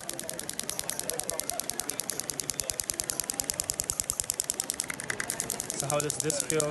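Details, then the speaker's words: Radial shockwave applicator worked at 90 degrees to the fibres on a male Olympic athlete with a tight thoracic spine and reduced right shoulder motion, at lower frequency and energy 1.3; rapid steady clicking about 200 a minute, faint voices at the end. "but I work 90 degrees to the fibrous like this this motion here lower frequency lower the energy to 1.3 a reset accounting system so I"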